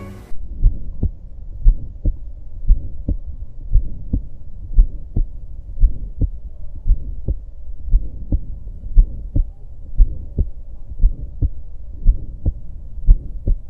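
Regular heartbeat at about 58 a minute, with a harsh rising-and-falling murmur between the first and second sounds, an aortic stenosis murmur.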